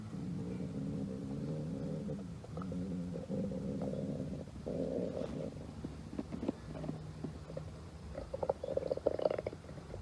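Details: Stomach growling (borborygmi): low, drawn-out gurgling and rumbling with some bubbly pops toward the end.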